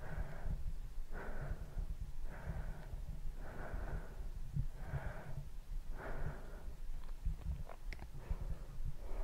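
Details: Muffled, steady low thumping of an adult heartbeat at a slow, regular rate with soft rustling over it, recorded as ASMR; normal heartbeat.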